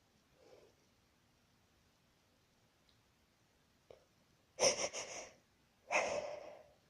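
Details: A woman's induced but real sneezes: a quiet intake of breath, then two sharp, explosive sneezes close together.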